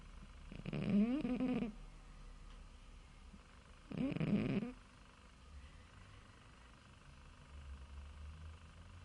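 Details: Sleeping cat snoring: two short, rough snoring breaths a few seconds apart, quiet breathing and faint room hum between. Snoring.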